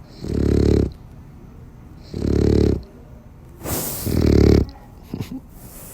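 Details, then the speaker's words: Sleeping dog snoring heavily: loud, rattling snores roughly every two seconds, with quieter breaths between. "tá como ronca gente isso aqui cura ansiedade depressão cura tudo vocês sabem né"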